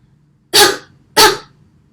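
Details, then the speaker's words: Cough training demonstration by a physiotherapy student: patient seated, leaning forward, head slightly bowed, after a deep breath, towel or pillow splinting a surgical wound; two deliberate, separate splinted cough bursts. "เราจะใช้ผ้าขนหนูนะคะหรือว่านำหมอนก็ได้ค่ะมาประคองตรงที่แผลผ่าตัดค่ะแล้วก็ทำการไอแล้วก็ทำการฝึกไอค่ะก้มศีรษะลงเล็กน้อย"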